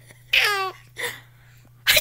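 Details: A young son laughing at the sounds of sneezing: a short, high-pitched voiced squeal followed by breathy bursts, sneezy laughter.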